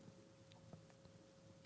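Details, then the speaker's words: Jaw clicking in a woman with a temporomandibular joint disorder she attributes to braces: a few soft, sharp clicks over a steady room hum. "i have a jaw problem my jaw clicks i used to be able to do jingle bells with my jaw like i could make it hold on"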